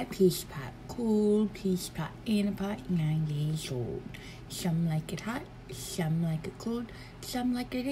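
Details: Adult woman imitating a lisp; lisp (imitated).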